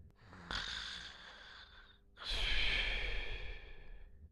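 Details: Loud snoring during sleep: two long, rasping breaths with a fluttering rattle.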